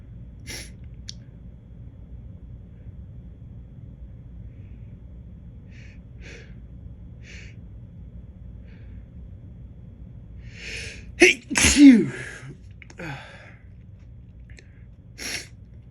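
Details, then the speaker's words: Sneezing from a person who has been feeling allergic lately, with stubborn false starts; quiet room, then a sudden loud sneeze with sharp intake and burst, followed by a softer exhale or small sneeze. "Hey! Hey! Wow. Hey! Stubborn, it won't come out today."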